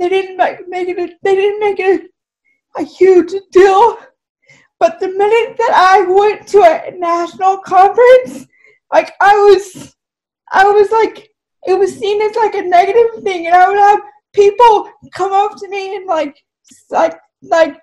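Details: Dysarthria in a woman with cerebral palsy, who says her speech is clearly affected by it.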